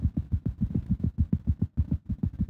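Rapid, regular lub-dub heartbeat of a cat, about 200 beats a minute, with no extra sounds.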